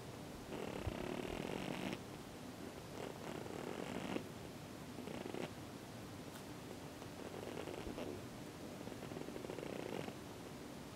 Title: Snoring pigeon